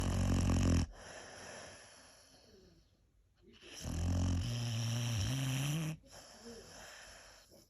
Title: Funny 😄 hilarious 😂 snoring sounds noises